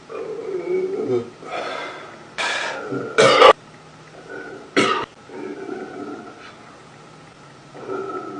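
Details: Adult male: low, wavering stomach growling alternating with about four abrupt, rough burps in a quiet room; stomach growling (borborygmi) and burping (eructation).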